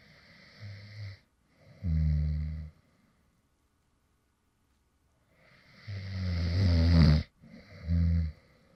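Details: Man who fell asleep while recording: low rattling snores on breathing in, with quieter breaths out and a long pause between; light snoring in sleep.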